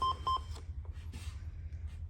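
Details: Two short electronic beeps from an LP-15 (Lifepak) cardiac monitor, an alert tone for a printer error (out of paper) while starting a 12-lead, over low room hum.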